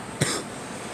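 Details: Cough: a single short, abrupt cough burst from an adult, heard against faint room noise.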